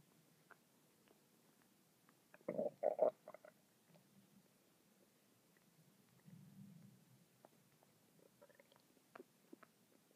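Quiet gurgles and a short burst of bubbling rumbles from the gut; ordinary bowel sounds.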